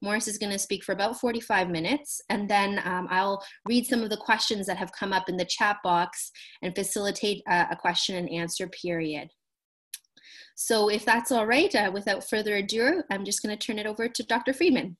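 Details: Adult woman speaking; normal speech.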